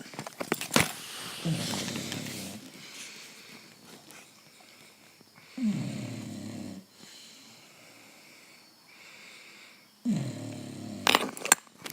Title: Snoring loud